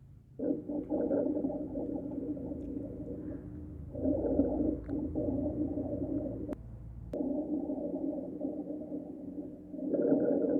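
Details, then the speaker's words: Lung auscultation teaching recording of rhonchi: low, snoring rumble with a moaning tone through long breath phases. "ahora podemos escuchar lo que es un rombos"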